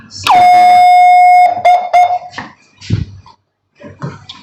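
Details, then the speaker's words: Max Neo transport/post-recovery ventilator switched on at the power switch: loud steady high tone over a second, then short beeps; normal power-on self-test during data validation and boot-up before resuming previous settings. "पर पूरा data validation और पूरा उसका booting होगा system का और उसके बाद यह पूरा स्टार्ट हो जाएगा"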